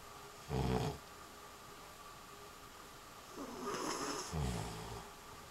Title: Snore? Not me.